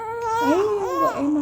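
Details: Brief, fairly strong wailing cry with rising and falling pitch from a 3-month-old infant hospitalized for bronchiolitis with severe shortness of breath and a week of wheezing, on oxygen and IV.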